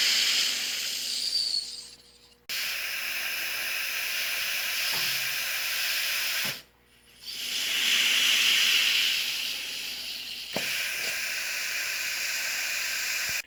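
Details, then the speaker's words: Homemade ventilator prototype (revision 2) with cycling valve, pressure 0–30 psi: loud rushing hiss cycling about every four seconds with short quiet gaps; air leak around the facemask, particularly at the bridge of the nose. "you can probably hear from the video I get a lot of air leak around the facemask particularly around the nose the bridge of my nose basically"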